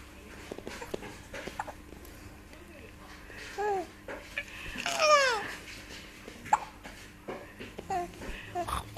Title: Baby Giggles and Hiccup